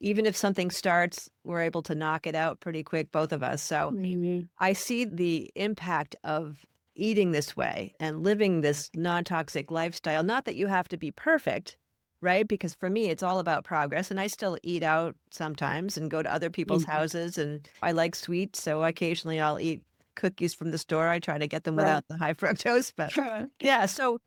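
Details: Adult woman speaking; ordinary speech.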